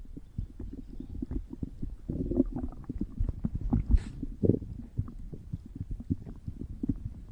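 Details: Stomach growling (borborygmi) recorded as ASMR: low gurgling and bubbling rumbles from the belly with irregular pops.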